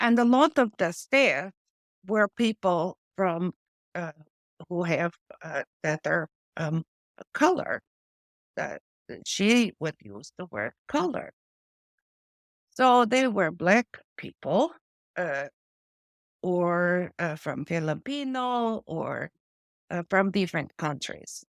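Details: Adult woman with post-stroke aphasia from a stroke affecting her brain's language area; word-finding difficulty with words lost mid-sentence and old-fashioned or inappropriate word substitutions; she also reports foreign accent syndrome.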